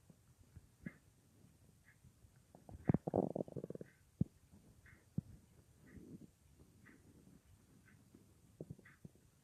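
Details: Irregular gurgles and low rumbles with a brief louder burst of bubbling over faint clock ticking, recorded at night an hour after soup (no full meal that day), lying on left side, phone or mic against belly: bowel sounds (borborygmi).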